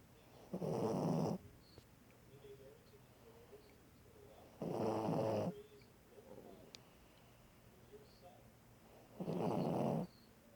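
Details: Dog snoring: three loud rattling snores with quiet breathing between, about 14 breaths a minute.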